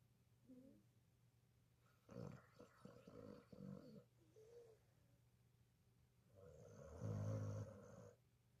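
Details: Snoring, described as louder than a human: loud rattling snores in two bursts with a low rumbling tone, from a sleeping animal, possibly a dog, in a quiet room.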